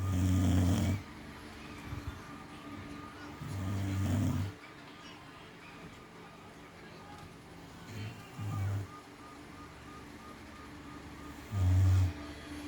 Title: The UNDERDOG Snore😂😴